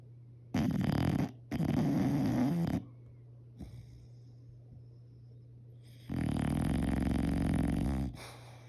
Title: 💤 BULLDOGS SNORE LOUD!!! #love #best #beautiful #cute #funny #family #bulldog #farm #dog #friends